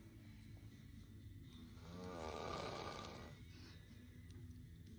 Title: Snoring dude is splendidly mocked 😂😂😂 💤